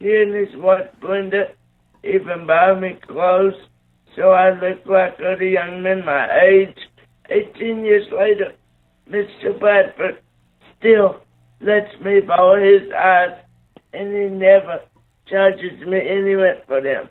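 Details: 27-year-old man with cerebral palsy after neonatal brain bleed and stroke, born three months premature after a car crash; right-sided paralysis, blindness, seizures; slow speech with dysarthria (cerebral palsy)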